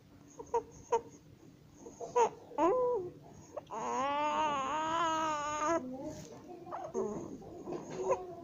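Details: 27-day-old baby with laryngomalacia, tagged for cow's milk protein allergy, on the day of an ENT nasofibroscopy, fussing and crying with short high-pitched squeaky breaths; inspiratory stridor.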